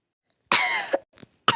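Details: A person coughs and says the cough has just started, so they cannot make videos today.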